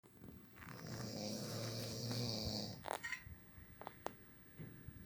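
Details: Father snoring: a single long, rough, fluttering snore on breathing in, then a short snort and quiet breathing.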